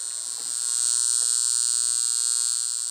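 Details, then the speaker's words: Steady high-pitched electric buzz rising and holding as a portable argon high-frequency facial wand with glass electrode is switched on and run on its high setting; high-frequency facial wand operating. "i don't know if you're going to be able to hear this or not but you're going to see you see how it come on and the higher"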